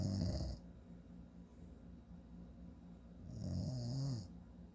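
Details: Father snoring in sleep: low, rattling snores on the in-breath, with a quieter stretch between two loud snores and room hum in the background.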